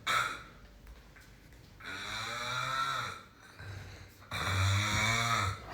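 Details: Loud snoring from a sleeping man, with sighs and groans; people nearby are alarmed by the loud sound.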